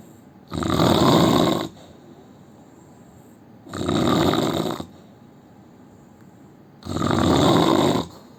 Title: indian man snoring 🤣 part 2